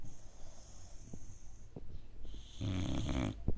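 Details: A 5-month-old boxer puppy asleep on a couch snores with rough, fluttering snores and snorting breaths, then one long, loud, rattling snore near the end.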